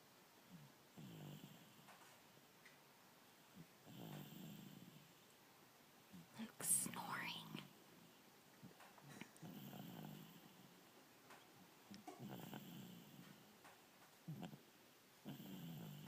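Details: Snoring during sleep: soft snores repeating with each breath, about every two to three seconds, with a brief louder stir midway.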